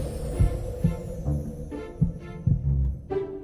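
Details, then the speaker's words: Deep, regular heartbeat thumps, roughly 75 a minute, through a stethoscope with faint hum, in a dramatized scene of a Hindi-dubbed Korean drama, not a real recording. "सुनाई दे रहा है क्या सुनाई दे रहा है दिल की धड़कन इंसान के दिल की धड़कन हान बिल्कुल"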